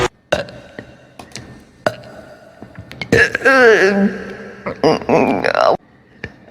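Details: Clicks and small noises, then a loud drawn-out voiced belch followed by a second belch in a quiet room, from a person said to be drunk; burping.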